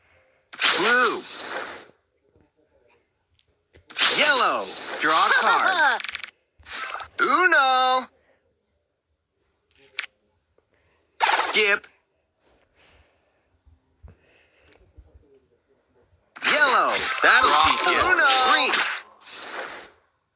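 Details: Repeated sneezing: several loud, voiced, sharp explosive sneezes in a quiet room, some in quick pairs.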